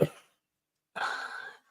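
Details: An adult with a croaky voice gives one short cough, then after a pause a longer throat-clearing cough.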